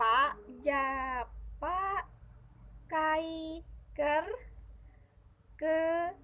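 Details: Acted demonstration of transcortical motor aphasia in Indonesian, with fragmented, incomplete words.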